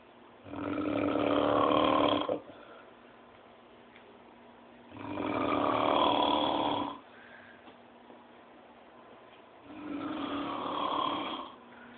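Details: Loud, rough snores on three breaths, about 13 breaths a minute, with quiet pauses between: snoring.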